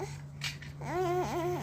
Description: Cute little baby girl crying 😢